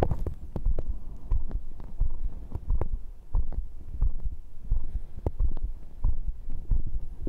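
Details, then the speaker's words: Adult's own heartbeat recorded with a microphone during a bodyweight workout (dips, crunches, cross pulls, arm curls): strong, regular low thumps, normal heart sounds with rate raised after exercise, settling to about 88. "Nhịp tim hiện tại 98, 104 Vậy thì hãy đo nhịp tim của bạn!"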